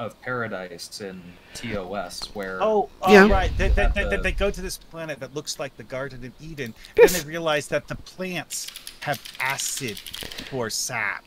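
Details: Adult speaker; Normal voice.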